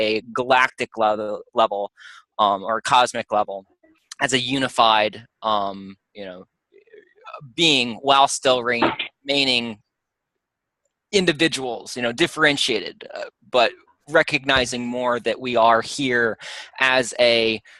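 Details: Adult speaker; normal voice.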